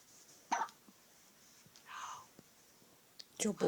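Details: A newborn with hiccups makes brief hiccup sounds amid soft breathing and quiet adult whispering.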